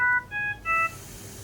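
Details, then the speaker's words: Philips Respironics Trilogy Evo ventilator alarm: a three-note electronic tone with flashing light bar, returning after audio pause and reset because the uncorrected circuit problem persists; ventilator alarm demonstration. "larm on our vent we get an audible alarm and we get the light bar along with the flash here"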